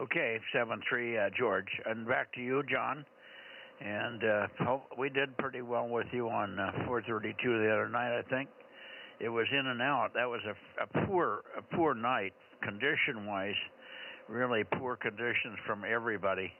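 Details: Adult man speaking over amateur radio; normal speech.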